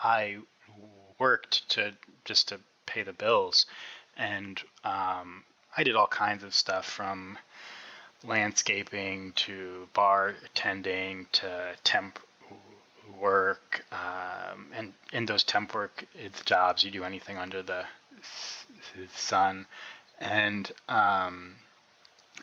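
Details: Adult man who has stuttered since about age six (first grade) and still stutters; he is a speech-language pathologist; stuttering.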